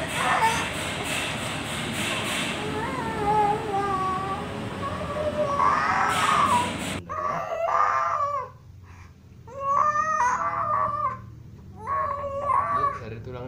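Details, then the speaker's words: A young child with cerebral palsy cries in repeated wailing bursts with wavering pitch during natural PAZ therapy to straighten stiff legs; the parent says the child cries throughout because it hurts. Distressed crying. "Emang sih selama terapi dia menangis terus karena Ya itu kan pastinya sakit"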